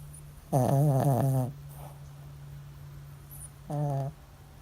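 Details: Maltese x shih-tzu dog in deep sleep after a long walk and run, two loud buzzing voiced snores over low room hum, loud enough to wake owner at night; paws twitch and nose wiggles; snoring.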